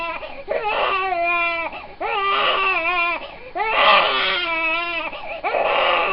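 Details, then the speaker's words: Young infant boy with colic, crying constantly for his first 3 months and not soothed by feeding, burping, changing or bouncing. High-pitched, intense crying in long repeated wails with brief gasps between; colic crying. "I've got a couple clips of my son when he was younger and I'm really glad I took them now I felt kind of bad because he was crying"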